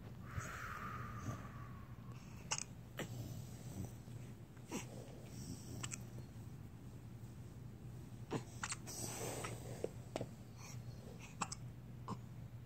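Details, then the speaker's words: Repeated hiccups, faint sharp brief clicks about every second against quiet room hum; a tummy grumble is also noted. "Those are some hiccups, pal."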